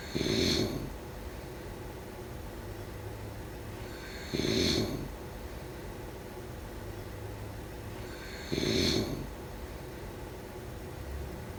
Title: #snoring #snoringasmr #sleepnoises #snoringsleepingsoundeffect #sleepsounds